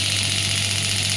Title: Physiotherapy Shockwave Therapy Pneumatic Demo By Biotronix